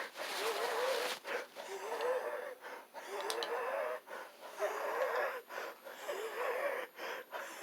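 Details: Wheezing during an acute asthma attack in a patient who was also coughing up blood: loud, rapid, labored breathing with a high-pitched musical wheeze on each strained breath.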